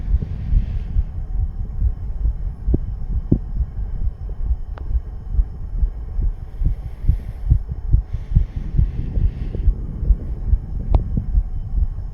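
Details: Rapid, fairly regular low thumps at roughly 140 a minute over a steady hum, in a 34-year-old male under the influence of nicotine and "green stuff"; fast heartbeat (tachycardia).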